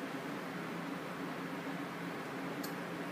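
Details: Steady low mechanical hum and airflow noise with one faint click as a mechanical ventilator is taken out of standby, with a clean circuit and HMEF attached, ready for a patient, in a teaching demonstration; ventilator running.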